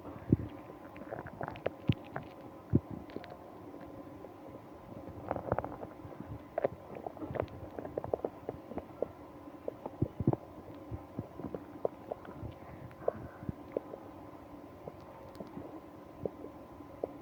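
Repeated gurgling and popping bowel noises over steady background hum: stomach growling.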